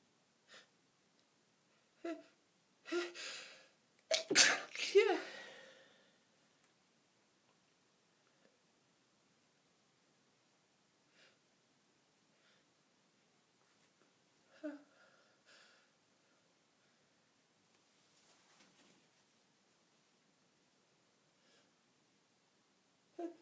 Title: Sneeze attacks